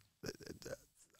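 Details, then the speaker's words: Brief, low gurgling rumble of about half a second from an adult man's stomach during a recorded interview, which he likens to an air siren: stomach growling, borborygmi. "can you hear my stomach Jesus Christ it sounds like an air siren going off like right"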